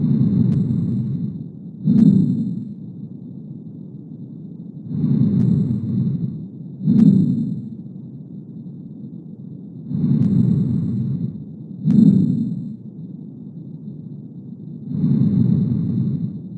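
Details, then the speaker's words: Fine velcro-type crackles: sharp, dry crackling clicks during slow breathing, predominating on inspiration, likened to pulling apart velcro. "es un sonido muy parecido a cuando tú sacas un pega pega el famoso pega pega tú lo ves y va a sonar así como vamos a escuchar a continuación igualmente es un ruido que va a predominar principalmente durante la inspiración"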